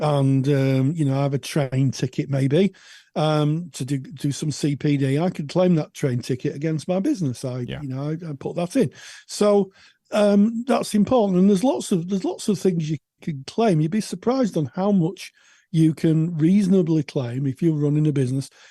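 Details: Adult man speaking; normal speech.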